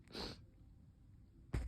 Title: Powerful muffled sneezes